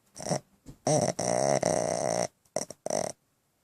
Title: Sunny Pug Snoring, Eyes Open